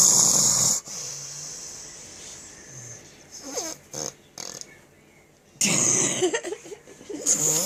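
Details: Loud, harsh snores with snorting breaks and quieter gaps during sleep, with background noise; heavy snoring.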